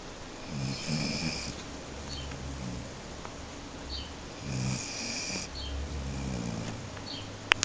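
Two soft rattling snores with quiet breathing between them, in a quiet room.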